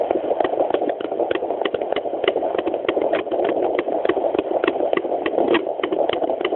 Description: Chiquita is a chihuahua pregnant with two puppies. Hear each of their heartbeats with a handheld doppler. The heartbeats range from 200-240, normal for unborn pups.